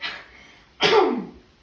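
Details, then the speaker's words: Demonstration of covering a sneeze or cough, as a COVID-19 hygiene tip: a single short, sharp cough or sneeze. "And to sneeze or cough, you just do it in here, over here."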